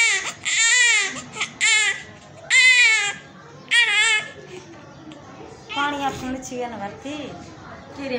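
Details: Baby born after normal delivery: loud, high-pitched, strong crying bursts from the newborn, with softer adult voices and faint music in the background.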